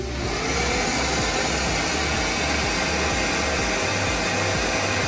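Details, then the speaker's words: Dental aerosol safety hood demonstrated in an orthodontic office, acting as a negative-pressure environment directly over the patient like a laboratory hood: steady loud rushing, whining suction noise of the hood vacuum running. "what this is is basically similar to a laboratory hood it just acts as a negative pressure environment directly over the patient but not in the entire room"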